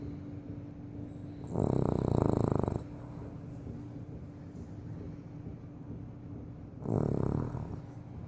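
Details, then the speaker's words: Buckley, a dog sleeping on a tile floor, heavy snorer: two loud, rattling, low snores several seconds apart over a steady background hum; ordinary snoring. "So Buckley's okay. He's a heavy snorer."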